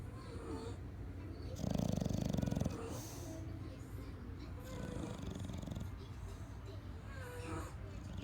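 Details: Sleeping bulldog named Opie: loud, fluttering, rattly snores, about three breaths in eight seconds, with softer wheezy noises between them over a low hum: snoring.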